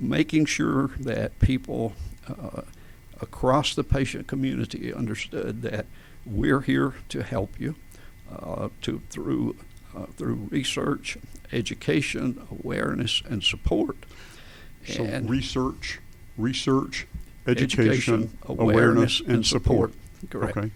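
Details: Adult man with adductor spasmodic dysphonia, onset around 1999-2000: laryngeal spasms make his vocal folds slam together and not release, so speaking takes more effort; treated with botulinum toxin injections; adductor spasmodic dysphonia.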